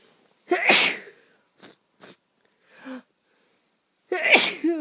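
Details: Person with a cold: two forceful sneezes separated by short sniffs and a brief sound; sneezing.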